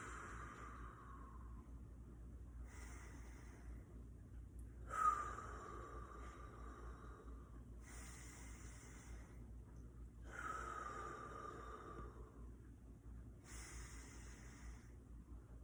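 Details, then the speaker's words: 65-year-old woman presenting with chest pain, heart rate 102 and blood pressure 140/90, during lung auscultation: slow deep breaths, about five in fifteen seconds, soft airy inhalations and exhalations over room hum; lung sounds judged normal, no rubs or wheezing. "So now I'm just going to listen to some lung and heart sounds. Go ahead, baby. So when I'm doing this, I want you to take some deep breaths."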